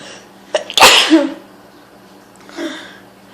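One loud, explosive sneeze after a short catch of breath, then a softer exhale; a hayfever sneeze.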